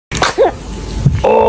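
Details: A single small, sharp burst of breath with a brief squeak from a newborn baby, followed by faint noise: sneezing.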